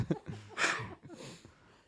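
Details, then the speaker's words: Single adult sneeze right into a close microphone during a podcast: a short catch of breath, then one sharp, hissing burst. "we'll still hear the sneeze sneezes right into the mic sorry I was not thinking it just came and I just thought it was going to be an ugly one"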